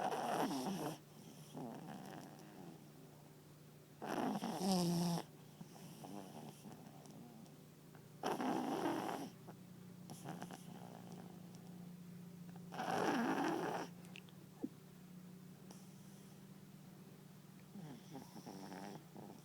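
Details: Chubby papillon dog asleep on owner's lap snoring: soft, snorting snores about every four seconds with a low whistle between breaths.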